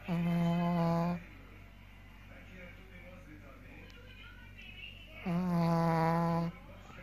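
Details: Sleeping puppy, dreaming, which happens every evening; two long, loud, tonal snores about four seconds apart with soft room noise between; snoring.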